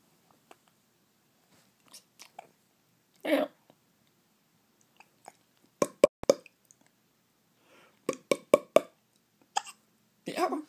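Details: Tico has hiccups: brief, sharp, irregular clicking gulps, several in quick clusters, in a quiet room.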